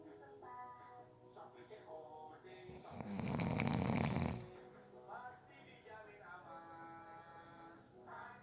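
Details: Snoring during a nap, person fell asleep within 30 seconds: one loud rough snore about a second and a half long over background music.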